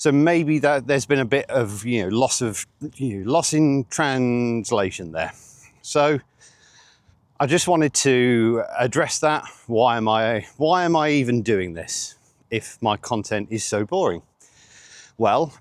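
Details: 47-year-old man with stuttering (stammering) since age eight.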